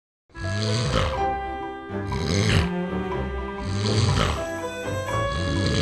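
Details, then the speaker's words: Acted snoring in a snoring-treatment commercial: loud, rough, low rumbling snores repeating over steady background music, a staged example of snoring. "Does this seem just a bit too familiar? We can help. At the Atlanta Snoring Institute, we can reduce or even eliminate snoring problems in most people with a quick, simple procedure performed right in our office."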